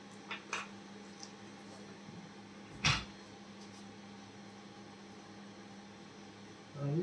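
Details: Chiropractic neck adjustment for neck stiffness: a single sharp crack amid quiet room noise, joint cavitation.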